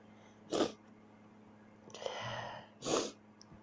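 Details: Person sneezing repeatedly at night, keeping them awake: two forceful sneezes with a breathy intake between them, in a quiet room with a low steady hum.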